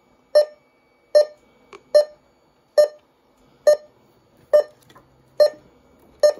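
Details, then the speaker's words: Datex Ohmeda 3900P pulse oximeter pulse tone: short electronic beeps, one per heartbeat, about 70 a minute. The pitch changes with the user's oxygen saturation while the pulse volume is being adjusted. "this is how you adjust the pulse volume whereas uh what that's what beeps to your pulse so i'm like it goes up to five"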